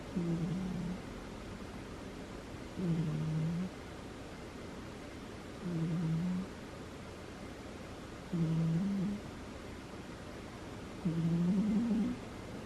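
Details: Female cat snoring while asleep: soft, low, slightly tonal snores about 22 a minute with steady room hiss behind.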